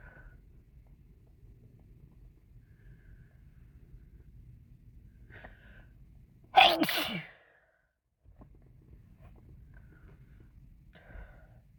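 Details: Person sick with a cold, many sneezes self-induced; a single sharp sneeze in a quiet room, then brief silence and faint background sounds.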